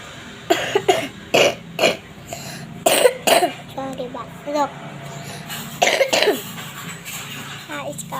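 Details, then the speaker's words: Child with a recurrent cough blamed on eating a lot of ice, advised to drink more water: about eight sharp cough bursts, mostly in pairs, with quieter voiced sounds between. "batuk karena banyak makan es, dikurangin makan air putih."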